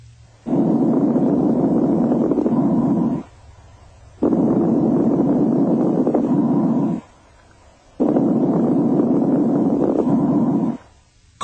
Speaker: fine crackles are soft high-pitched and very brief and often accompany congestive heart